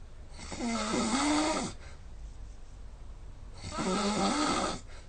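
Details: Two loud, rattling inspiratory snores about three seconds apart, quiet breathing between; heavy snoring recorded by a snoring app overnight (2:30–8:30), about 6 hours of sleep with about 4 h 40 min (84%) snoring, snore score 145.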